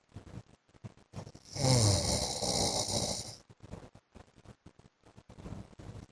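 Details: Adult man (husband) snoring in his sleep during a 15-minute recording: one long, loud, harsh snore on the in-breath with shorter snorting breaths before and after; heavy snoring.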